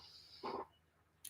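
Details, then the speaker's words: Snoring from a sleeping pet dog: a single short, rough snorting breath over quiet room noise. "strong with the Snore he is Monty there you can hear you snoring Bud they can hear you snoring"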